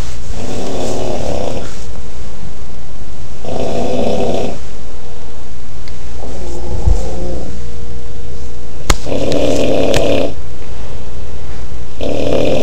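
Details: Loud, rough, low snores on each breath in, about 20 a minute, with quiet pauses between them; ordinary snoring.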